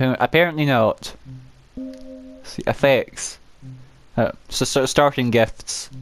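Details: Adult with a self-reported uncontrollable stammer, which he says particularly affects m and w sounds, with audible word repetitions; stuttering.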